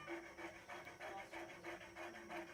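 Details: Cane Corso dog, probably somewhat flat-faced, on nasal oxygen prongs in a kennel after abscess surgery, anxious and crying with possible pain: rapid rhythmic raspy panting, about five breaths a second, not a primary breathing problem.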